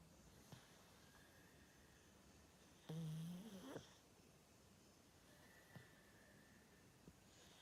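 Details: A pug snoring while asleep.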